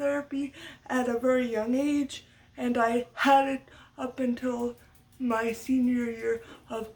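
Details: Stuttering in an adult woman, part of muscle tightness from cerebral palsy (brain damage as a baby); lifelong, speech therapy from a young age through high school, uses techniques to minimize it.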